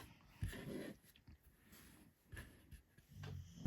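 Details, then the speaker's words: A dog snoring in the background, heard as a strange noise while a person speaks. "Don't know if you can hear my dog snoring from there. I never know whether to mention it or not. If you can hear a strange noise, it's the dog snoring."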